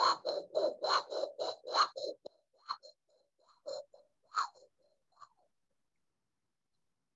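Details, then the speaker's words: Pericardial friction rub in a male patient with chest pain and shortness of breath, pain worse lying flat and relieved by sitting up and leaning forward; managed with anti-inflammatory medicine. "his chest pain was worse when they laid him down flat to get the ekg and every time they laid him flat he popped back up and would sit in a leaning forward position to get comfort"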